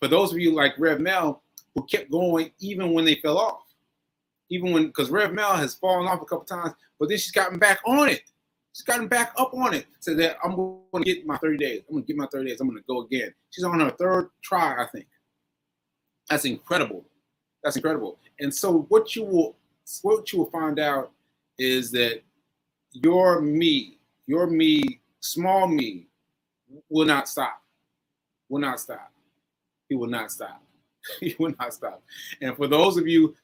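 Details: Aphasia in a man recovering from a stroke on 7/14/22, almost one year post-stroke; he reports that aphasia made working out numbers difficult and that everyday tasks are not yet normal for him.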